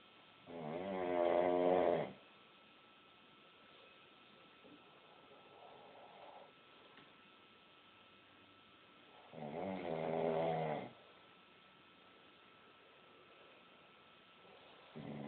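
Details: Two loud, rattling snores about eight seconds apart, with quiet breathing between, in a small quiet room; snoring.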